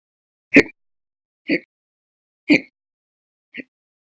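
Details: Four short, sharp hiccups about a second apart, separated by silence; violent, very loud recurrent hiccups logged November 2019, with episodes lasting hours.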